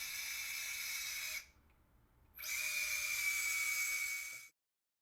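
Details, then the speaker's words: Two runs of high-pitched motor whine with a pause between them: a power wire driver inserting the anterolateral, then the anteromedial, guide wires for 7.3 mm cannulated screws in anterior-approach ankle arthrodesis. "first the guide wire for the antrolateral screw is inserted the antrimedial guide wire is then inserted"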